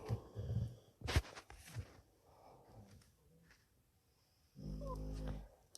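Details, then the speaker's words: Low, rumbling, ordinary snores from a sleeping dog, a few irregular breaths apart, with quiet room between. "can you hear him snoring snoring away"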